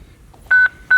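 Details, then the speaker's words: Steady high electronic tone in repeated bursts as a monitor-defibrillator charges after analysis with pads attached, before a shock, in a training demonstration; defibrillator charging tone. "let's say that crew on scene decides the ad says Hey analyze I need to charge it attach pads so they start charging"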